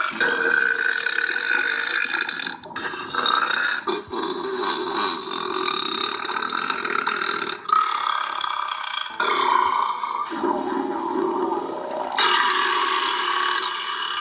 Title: Burping sounds